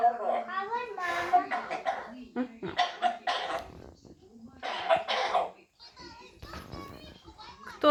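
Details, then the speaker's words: African grey (Jaco) parrot imitating a cough: short cough-like bursts mixed with whistles and voice-like chatter, mimicry rather than illness. "Кто там заболел? Кто кашляет? Кто там?"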